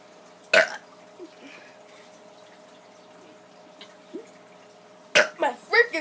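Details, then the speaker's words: A kid with unusually wet burps after eating KFC, later saying his stomach hurts: one loud burp, a quiet gap with small gulps, then a second burp and a rapid run of short burps. "so for some reason i'm having really really wet burps today oh my god oh god it's pointing towards the cameras"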